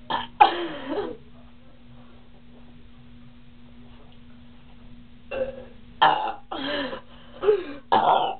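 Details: Two girls burping deliberately as much as they can while drinking cream soda: a string of loud burps, some long and croaky, with a steady background hum and brief music.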